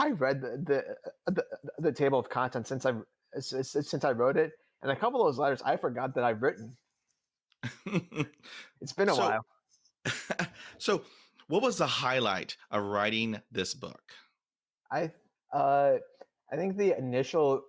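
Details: Adult male who stutters, who says he stuttered the most in years and was far from fluent during his TED talk; stuttering.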